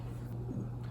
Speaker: that was my stomach and did you hear that I'm hungry